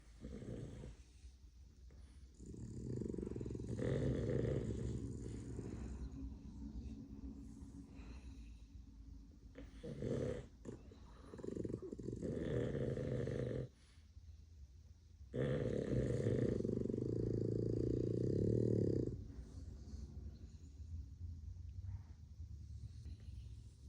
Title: 4 sleeping, snoring Boston Terriers!!!